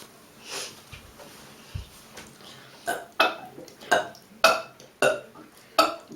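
A few quiet sounds, then a run of about six loud, deliberate burps in quick succession.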